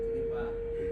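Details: During an AED/CPR training course, a steady, pure, mid-pitched electronic tone from a training defibrillator after "shock advised, charging" signals charging is complete and a shock can be delivered; AED charge-complete alert tone.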